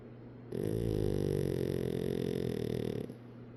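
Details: Pug snoring: one long, rattling, fluttery snore lasting about two and a half seconds, with quiet breathing before and after; the dog may have its eyes open.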